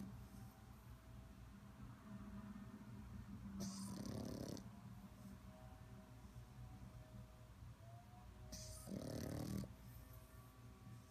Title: Lhakyi the snoring pup, no music needed ..